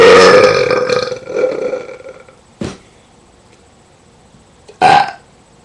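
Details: A person burps loudly at a dog: one loud, rumbling belch lasting about two seconds, then two short burps after quiet gaps. Burping.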